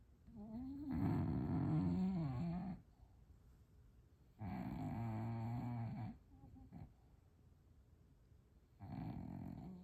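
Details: Bulldog snoring: loud, long rattling snores with a growly, vibrating tone, three breaths over ten seconds.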